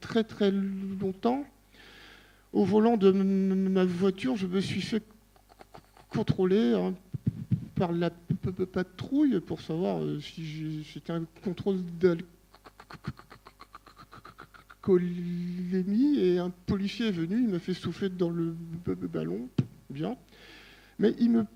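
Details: Adult man who stutters, speaking French at a stuttering colloquium; stuttering.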